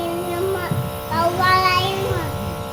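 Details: 2-year-old child with a cough receiving a steam (nebulizer) treatment: steady mechanical humming drone of the nebulizer compressor, with the young child's voice over it.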